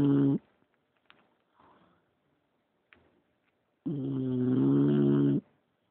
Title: Bulldog Ingles Leeloo Snoring